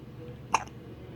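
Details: Baby's hiccups, which the mother says are as fast as when the baby was in her womb: a single short, sharp gulping hiccup against quiet room noise.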